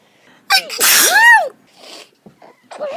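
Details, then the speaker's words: Person with a cold, sore throat and watering eyes: a single loud sneeze with a sharp burst and brief voiced tail. "I'm not feeling very well I just I have to sneeze my throat's really sore and my eyes are [Music] watering"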